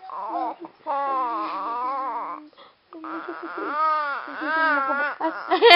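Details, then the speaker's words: Baby crying in long, wavering, high-pitched wails separated by a brief pause for breath; the crying is described as acting. "Ayoko pa iyakin ng ganon Kwa naman sige Diretso mo na yung iyak mo masama yung pinipigil ng iyak"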